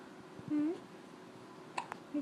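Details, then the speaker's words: Baby girl with hiccups: two brief, sharp, gulp-like voiced catches in a quiet room; infant hiccups. "see Daddy? Have the hiccups. Silly girl."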